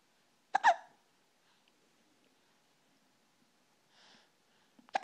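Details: A girl with hiccups again: sharp, sudden hiccup sounds about four seconds apart with a soft breath between, in a quiet room.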